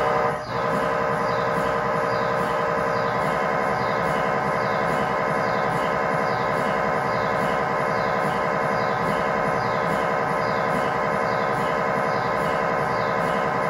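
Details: Brief knock, then continuous loud electronic droning with repeating pulses: MRI scanner noise inside the scan room during a tibia/fibula (lower leg) test scan with a GE high-definition lower extremity coil, controlled environment.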